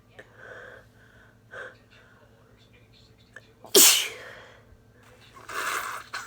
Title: uncovered sneezing fits from a cold